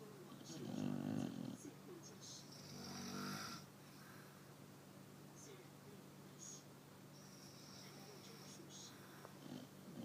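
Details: Chow Chow dog asleep, soft low rumbling snores against steady room noise: dog snoring.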